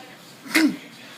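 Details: One short, abrupt voiced gulp with a quick falling pitch, a person's imitation of a cat's hiccups, made to show the vet; owner unsure if it was hiccups or choking.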